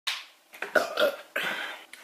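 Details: Woman burping, from a compilation: a run of loud, rumbling burps in quick succession, with no other sounds between them.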